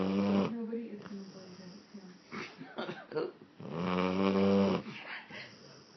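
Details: Blue Lacy dog snoring loudly in sleep: loud, low, buzzing, rattling snoring breaths separated by quieter breathing.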